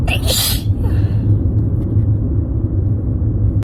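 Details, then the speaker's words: Adult with a cold, sneezing strongly while driving a car: one forceful sneeze, then steady engine rumble; sneeze. "This is the strongest they've been since this started. If it keeps up, I'm gonna have to pull over, honestly. But we're not even done yet. I don't think. No, we're not done. I'm gonna sneeze again."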